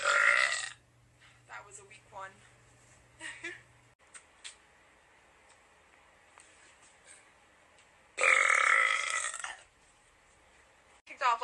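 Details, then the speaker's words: Voluntary burping on request, the last burps before ending a live stream: two loud, drawn-out voiced belches with quieter throat sounds between them, and a third burp starting at the end. "I'm going to burp one more time and then go."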